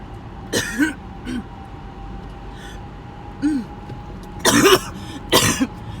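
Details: Repeated harsh coughs and throat clearing from an adult, the end of a 20-minute coughing fit.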